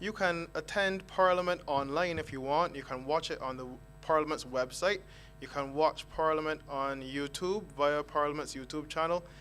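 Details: Adult man speaking, online meeting audio; Normal voice.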